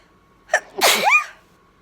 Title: Sneezing in bed